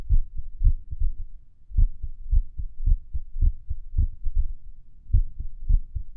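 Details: Irregular heartbeat recorded over Erb's point while lying on the stomach, listening to music; heart thumps with uneven spacing between some beats.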